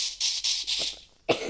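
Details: Boy recording a Minecraft video, apologising for his cough; a quick run of short, dry, breathy coughs, then one more after a pause: cough.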